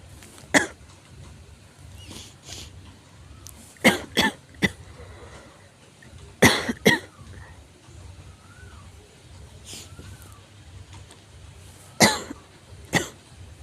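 Repeated harsh coughs, single and in pairs, about ten over thirteen seconds, over steady background hum: frequent forceful coughing.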